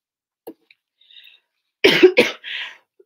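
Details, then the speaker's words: Two quick, forceful coughs from an adult woman during the cold season, with a hoarse voice after days of losing it, followed by a softer breathy exhale. "Et comme j'étais là, pardon, il y a la toux, hein. Vous savez, on traverse une mauvaise période ici, la période de la toux."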